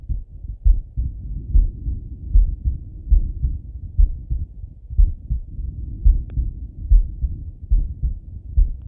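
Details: Male heartbeat auscultated with stethoscope while lying on his left side: regular low heartbeat thumps at about 70 beats a minute.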